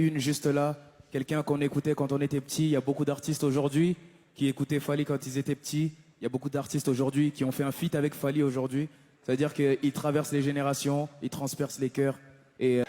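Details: Adult male speaker; normal voice.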